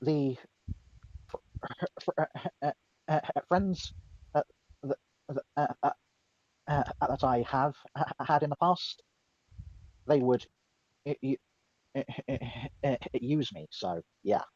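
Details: Stuttering in a woman who says she is mocked for her stutter; it is described as her speech impediment.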